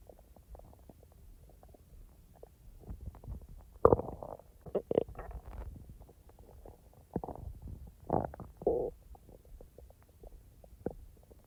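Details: Own stomach recorded when digestively active and edited, not in real time: low gurgling and bubbling rumbles in irregular bursts over quiet background, ordinary digestive bowel sounds (borborygmi).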